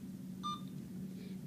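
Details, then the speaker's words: A single short electronic beep over steady room hum: an Alaris IV infusion pump confirming a button press during setup. "it's going to do a self check so you have to kind of let it set for a minute and it'll um beep when it's finished"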